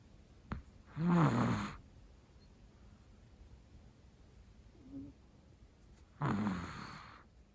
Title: お寝坊チワワのいびきが可愛くうるさい - chihuahua snoring is adorably loud -